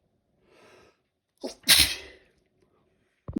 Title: Mini Sneezing fit (Any Germans (W) listening?)